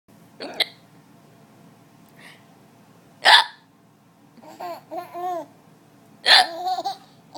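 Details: Person with hiccups while someone laughs at them: three sharp hiccups, roughly one every three seconds, with laughter in between.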